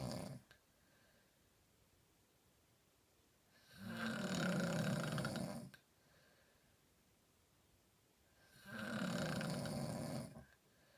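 Long, rough, rattling snores on each breath, about 13 per minute, with quiet pauses between.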